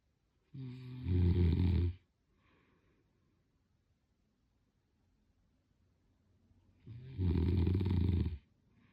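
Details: Sleeping person snoring: two loud, low, rattling snores on the in-breath about six seconds apart, with quiet breathing between; typical snoring.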